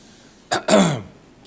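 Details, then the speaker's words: Adult speaking in court, who apologises for their voice and says they are on medicine after a scope examination, gives a brief cough then a longer lower-pitched throat clear in a quiet room; throat clearing and cough. "Sorry about my voice, but some sort of weird difficulty seeing a doctor."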